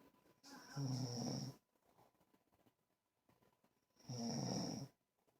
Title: Snore with Angel Bear classic video